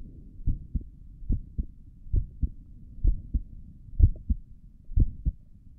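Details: Normal resting heartbeat recorded with a stethoscope on the chest, stomach gurgles also in the recording: soft, regular low lub-dub thumps at about 62 beats per minute.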